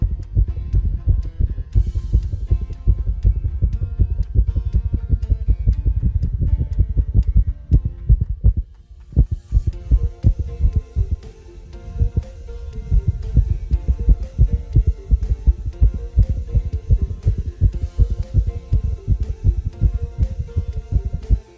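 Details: Heart: a regular rhythm that suddenly breaks into very rapid pounding, paroxysmal tachycardia.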